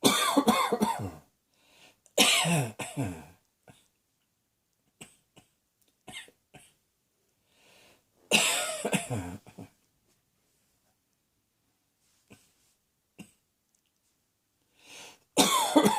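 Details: Adult coughing as usual, recurrent cough: three bursts of repeated coughs, several each, with throat clearing and quiet room sounds between.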